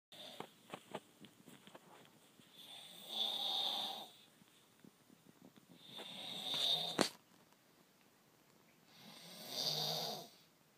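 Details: Three rough, hissing snores about every three seconds, with small clicks and rustles between them: snoring.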